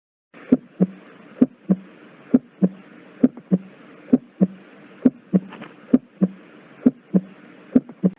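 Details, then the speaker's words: Normal first and second heart sounds: regular paired lub-dub at about 66 per minute with quiet gaps and no murmur. S1 marks the start of systole with closure of the mitral and tricuspid valves. "el primer ruido o s1 determina el inicio de la sístole qué va a pasar en este inicio de sistole va a haber el cierre de las válvulas auriculoventriculares tanto la mitral como la tricuspidea"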